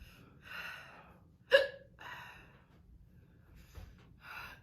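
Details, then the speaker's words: Girl gets hiccups during a hot pepper powder challenge, with mouth and throat pain: a single abrupt hiccup, a sudden involuntary catch of breath among quiet breaths. "I got a hiccup oh God the first time I did this I got hiccups too"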